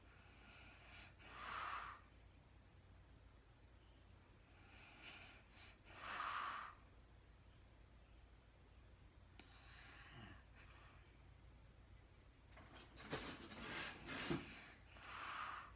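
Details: Woman recorded in real time sleeping, very tired, not talking: soft, breathy snoring with some snorts and sighs in a quiet room; light snoring.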